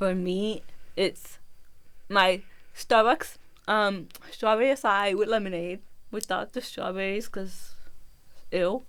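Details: Adult woman born with left spastic cerebral palsy, which affects her movement, balance and speaking; her left side is weaker than her right. Speech impairment associated with cerebral palsy.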